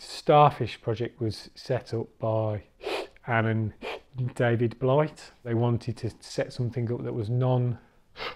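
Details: Adult recovering stammerer who has completed the Starfish stammering course; stuttering (stammering).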